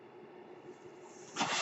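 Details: Mechanical ventilator noise heard while the user speaks: a soft steady hiss, then a louder airy rush near the end as the ventilator delivers a breath.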